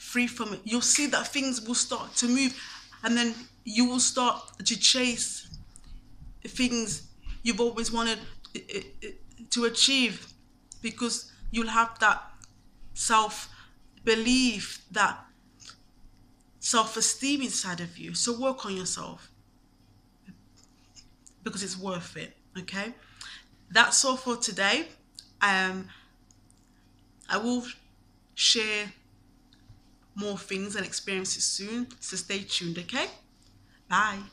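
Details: Adult man who has stammered since at least university, says he is not fluent and does not speak clearly, and avoided speaking roles for about three years because of it; stuttering.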